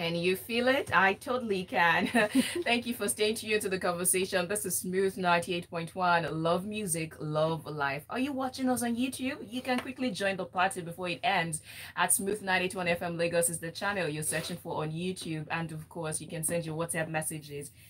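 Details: Adult woman radio presenter; ordinary fluent speech.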